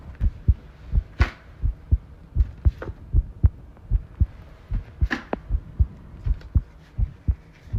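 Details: Heart sounds recorded while the person tidies a room, ASMR, stated to include arrhythmia; low thumps about 78 a minute with uneven spacing between beats, occasional rustling noise. Heart sounds with arrhythmia.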